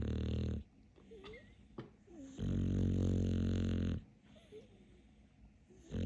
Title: TIKTOK DOG. Каплер король храпа. Capler is the king of snoring.